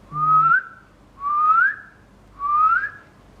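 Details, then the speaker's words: Three rising whistled tones imitating wheezes, the whistle of air forced out through narrowed airways in asthma; wheezes graded as a sign of asthma severity, imitated in a teaching class. "Sí ese pegoteo por la pared me va a formar un sonido ese sonido Sí normalmente suele ser como si fuera un silbido"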